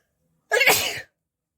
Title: nose sneezing,blowing,picking challenge #viral_video